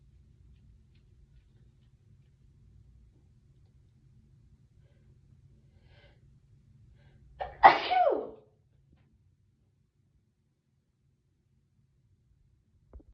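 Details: Quiet room, a short indrawn breath, then one loud explosive sneeze: sneezing.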